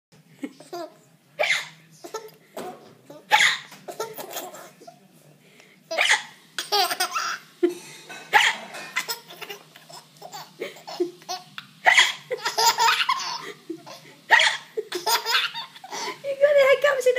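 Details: A young child with hiccups giggles, with sharp, abrupt gasping catches breaking into the laughter; hiccups.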